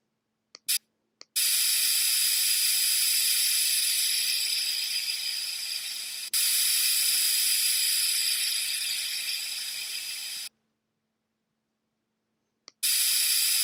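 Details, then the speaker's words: Virtual game, child's braces procedure with a lip guard in place: dental water spray rinsing the teeth and suction removing the water before bracket bonding, heard as long, loud hissing runs with brief gaps. "let's rinse off the teeth can you spray them with water I run the suction to remove the water but I want to"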